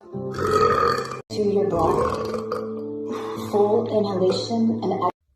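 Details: A woman's long, deep, drawn-out voiced belches in a row with a brief pause between, from a compilation of deep burps over faint background music; repeated burping.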